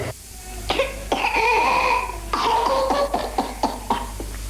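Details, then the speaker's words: Archival 1985 news footage of whooping cough (pertussis), described with high fever and uncontrollable coughing: bursts of rapid repeated coughs with drawn-out high-pitched whooping breaths between them. "high fever and uncontrollable coughing symptoms of hooping cough not so long ago these were common scenes"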